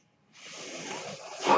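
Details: Mechanical ventilator breath.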